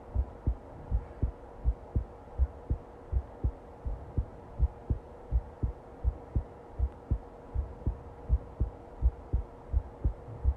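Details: Long recording of a steady, regular low thumping heartbeat at about 82 beats per minute, with a faint steady hum behind it.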